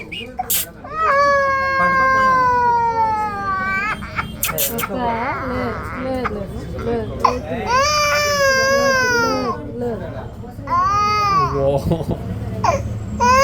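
Loud, high-pitched wailing cries with gasping breaths between them, with adult voices nearby; an infant crying in pain during ear piercing.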